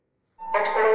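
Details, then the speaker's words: AED training demonstration: electrodes are applied to the patient's chest and no one touches the patient while the device analyzes the rhythm and decides whether to deliver a shock; AED alert tone (shock advised). "nedotýkame sa ani my ani nikto iný pacienta počkáme kým prístroj vyhodnotí či sa ide podávať výboj alebo nie"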